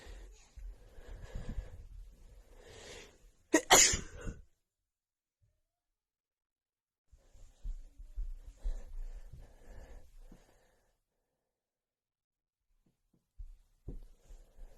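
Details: Woman with a bad, stuffy cold: stuffy, breathy inhalations building to one sharp explosive sneeze, followed by sniffly breathing.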